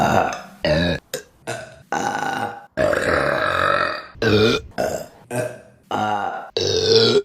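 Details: Compilation of female burping: a rapid series of loud, long, voiced burps with short gaps between them, repeated belching.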